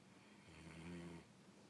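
A single low, rumbling, fluttering breath sound swelling and fading over about a second against quiet room noise; snoring during sleep.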